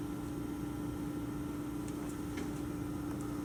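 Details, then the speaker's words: Simulated nursing demonstration of tracheostomy suctioning: catheter inserted without suction, then intermittent suction only on withdrawal, under 10 seconds. A steady low motor hum of the suction unit with faint clicks and handling noise. "you don't want to suction on the way in only on the way out you don't want to be in for more than 10 seconds and once you feel resistance that's when you start to pull out"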